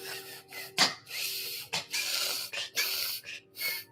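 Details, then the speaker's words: Female dog having a reverse ("backward") sneeze that seems to leave her struggling to breathe, with mucus audible in her nose: a rapid run of harsh, snorting inward gasps; reverse sneeze. "It's like she can't breathe or something. How can I help her? How can I help you, sweetheart? You over it? You over it? What is this? What is How do you stop? What do you do about a backward sneeze?"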